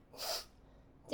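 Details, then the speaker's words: Single acted sneeze from a performer playing a spa staff member, during a simulated relaxation treatment: a sharp, hissing burst of air lasting about a third of a second. "すいません。くさみいっぱい顔にかかっちゃいましたよね。ごめんなさい。"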